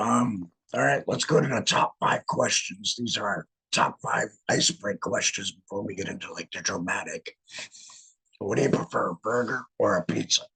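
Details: Alaryngeal speech from a laryngectomee after laryngectomy.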